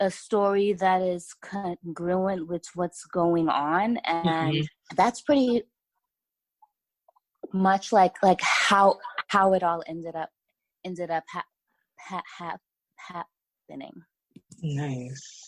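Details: Stuttering in an adult woman writer from Los Angeles who says she has a stutter that listeners may hear.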